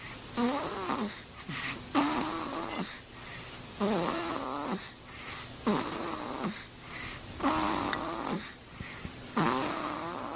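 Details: An infant snoring with rhythmic, squeaky, whistling tones on each breath, roughly 32 breaths a minute; infant snoring.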